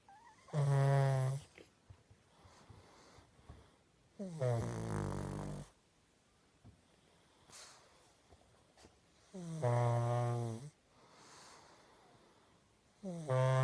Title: Snoring pug lol